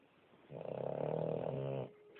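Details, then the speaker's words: Family dog snoring at 2am across the room: a single long, rattling, fluttering snore lasting over a second in a quiet room. "like are you kidding me how can I go to sleep with a dog this morning this is ridiculous"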